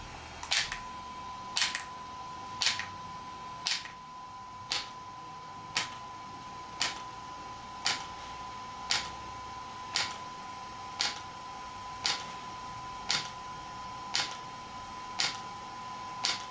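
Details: ESWT shock wave therapy device for muscle and bone pain relief, used on a patient's joint: sharp, evenly spaced snapping clicks about once a second over a steady high hum.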